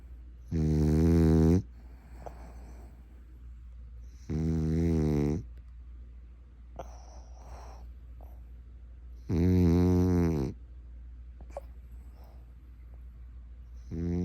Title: Snoring, loudly 😩